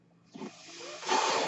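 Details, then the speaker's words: A soft hiss of airflow builds into a louder rushing breath as the speaker's own mechanical ventilator delivers a breath while he introduces his podcast. "My name is. That noise you're hearing is my ventilator, and welcome to Page Turners They Were Not, my Star Wars podcast."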